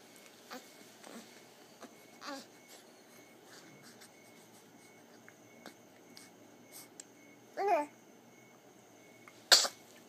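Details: Infant crying in his sleep, then sneezing: soft whimpers and small noises in a quiet room, followed by two sharp sneezes near the end.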